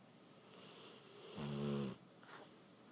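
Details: Dog snoring while sleeping: a single low, rattling buzz on the in-breath, then a soft breath out.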